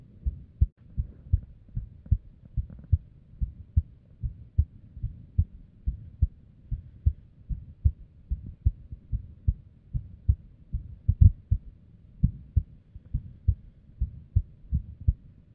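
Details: Female's unstable resting heartbeat with an arrhythmia and abnormal beats: low thumps roughly 100 a minute, unevenly spaced, with some stronger early beats; an irregular heartbeat with extra beats.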